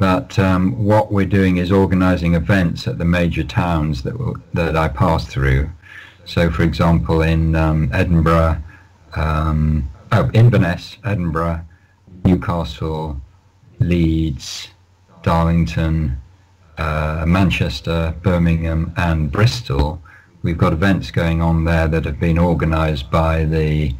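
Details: Lifelong stammering (stuttering) in an adult male, managed with prolonged speech and relaxation techniques.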